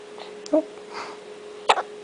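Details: Hiccups in a 1-day-old newborn: two brief, abrupt catching sounds about a second apart.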